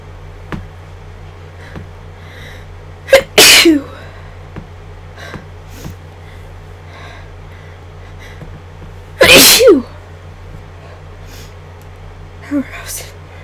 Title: Strong Induced Sneezes